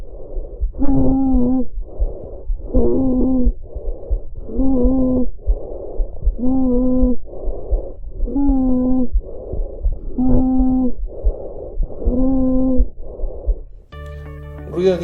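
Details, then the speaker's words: Stridor from obstruction of the larynx or extrathoracic trachea: loud, intense, continuous musical breathing noise of intermediate pitch, repeating with each breath, audible at a distance. "es un ruido continuo de tonalidad intermedia intenso y os digo la distancia se produce cuando hay obstrucción de la laringe y la tráquea entra tórax"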